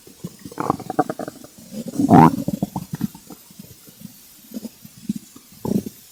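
Gurgling, bubbling rumbles and squelches from the belly, with one louder rolling growl; ordinary hunger bowel sounds.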